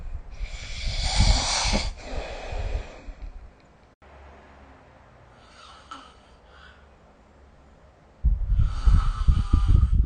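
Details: Snoring recorded with the SnoreLab app: harsh, fluttering snores with snorting breaths separated by a quiet stretch; ordinary sleep snoring.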